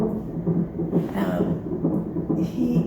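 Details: Rapid, rhythmic whooshing pulses of a fetal heartbeat at 140 beats per minute on a monitor, at 33 weeks of pregnancy during preterm labour, with the mother on IV antibiotics and steroids.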